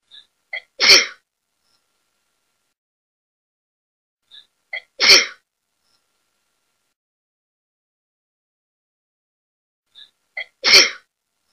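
Three sneezes, each preceded by short catching inhalations, spaced several seconds apart in a quiet room.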